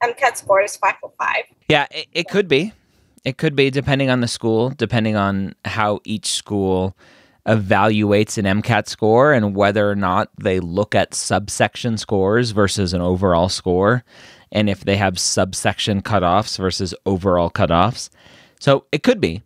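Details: Adult male speaker; Normal fluent speech.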